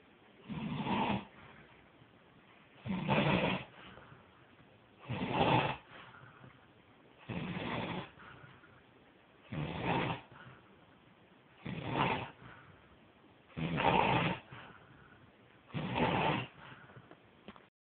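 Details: Person snoring very loudly, recorded on an Android phone: rough snores with each breath in, about 28 a minute, separated by quiet exhalations; steady snoring.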